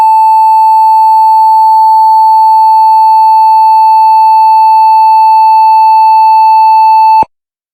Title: Heart Monitor Beep Sound Effect